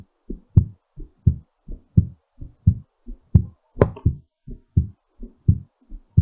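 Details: Clear, regular low lub-dub thumps at about 86 beats per minute: a normal heartbeat recovering after exercise.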